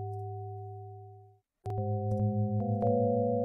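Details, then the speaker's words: EEG recording of a seizure, one channel converted into sound with an EEG-to-music tool: synthetic sustained tones fading then restarting as layered, pulsing notes. "if you go into the beginning of the file and do window size of 100 actually see what the seizure looks like on different channels so it's a bit different different channels and you can hear essentially how it sounds like"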